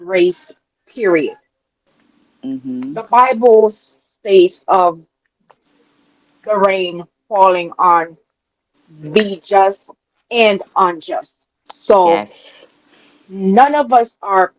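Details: Adult woman with a self-reported speech impediment she calls a "quote unquote disability" and says listeners can hear; speech impediment.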